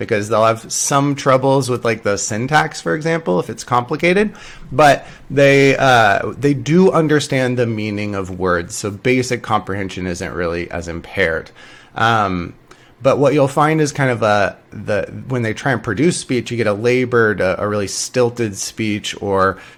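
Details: Adult male lecturer; normal speech.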